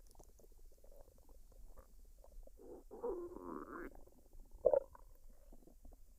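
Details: Woman's belly after a meal of fried rice and duck, recorded unedited with no added sounds: quiet gurgles and squelches, a longer rumbling gurgle and a brief louder pop; normal bowel sounds (borborygmi).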